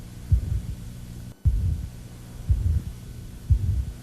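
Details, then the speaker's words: Aortic valve stenosis, high-frequency mid-systolic murmur with S1 and S2 heard on either side, regular rhythm near 58/min, rough murmur after each beat, radiating so loudly it is heard at the elbow; radiation to apex, bony prominences and carotids. "so aortic valve stenosis high frequency mid-systolic you can hear s1 and s2 on either side of the murmur radiation to the apex bony prominences and also the carotids"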